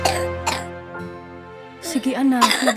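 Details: Two short simulated coughs from a child over music in a cough-medicine advertisement, acted as a wet, phlegmy cough: productive cough.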